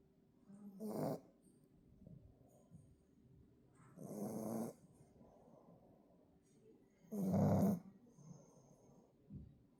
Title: Snoring Pug